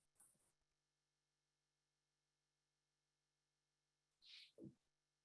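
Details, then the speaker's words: Two brief sneezes from an adult in a quiet room, heard in the background, the second a clear hiss followed by a voiced burst; sneeze. "Did you hear the sneezes in the background here?"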